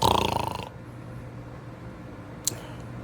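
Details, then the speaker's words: Imitated snoring performed for comedy, mimicking a father who snored loudly on the couch: a loud, rattling snore-like snort fading into quiet room noise. "My dad used to snore on the couch every night really loud. And my mom would wake him up and say, "Hey, you're snoring.""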